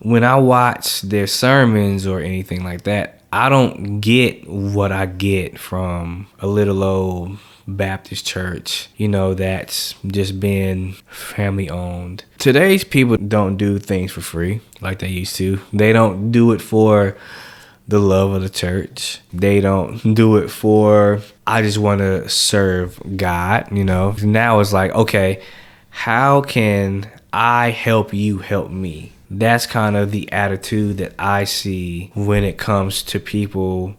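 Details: Adult man who has stuttered since age 5, speaking on a podcast; stuttering.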